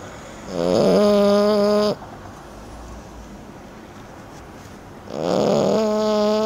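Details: 30-week-old French Bulldog asleep during a World Cup football match: two loud, buzzing, tonal snores separated by a quiet pause, with steady room noise between them; snoring during sleep.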